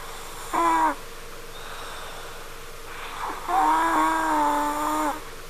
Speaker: daughter is snoring. I want to go upstairs to check it out. Sound like a crying baby or a cat.